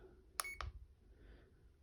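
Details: CADD Solis VIP home infusion pump: two short electronic beeps confirming a keypress ("yes" to prime tubing) during setup, in a quiet room.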